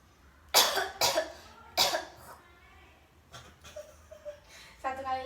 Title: TUGAS CARA MELAKUKAN BATUK EFEKTIF PADA PASIEN